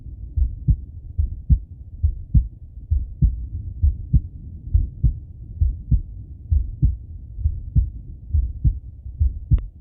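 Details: Male heartbeat and breathing auscultated through stethoscope: steady lub-dub about 67 beats a minute with soft breathing underneath; normal heart sounds.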